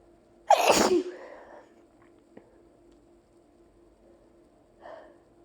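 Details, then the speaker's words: Person letting out a run of allergy sneezes after opening windows on a hot summer day, with two minutes of nonstop nose tickle: one loud, explosive sneeze, then quiet and a faint breath; sneeze. "Oh my god. I'm not done. I still have to sneeze."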